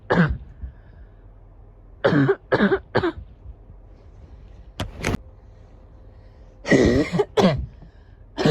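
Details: Repeated harsh, deep adult coughs in short clusters: a barking cough.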